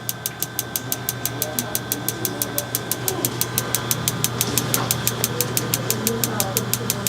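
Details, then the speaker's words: Focused shockwave therapy: sharp regular clicking pulses, about three a second, over a steady device hum. "okay so that was our two areas of focused Shockwave treatment um once again we were blasting the wrist"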